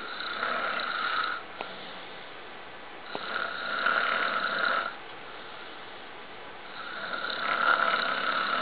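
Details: A male friend asleep and snoring very loudly: loud, rasping snores on each breath in, about three breaths over nine seconds, with quiet breaths out between them; snoring.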